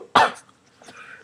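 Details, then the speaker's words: Single short, sharp cough interrupting a person's spoken recording, with repeated coughing throughout the recording; quiet room afterwards. "this is like my seventh time trying to record it without coughing and obviously it's not going to work"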